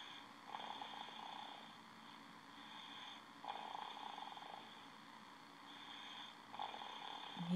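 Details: 14-month-old boy napping in his crib, lying sideways with his head on the bumper, worn out after hard play: soft, regular, rough rumbling snores on each breath.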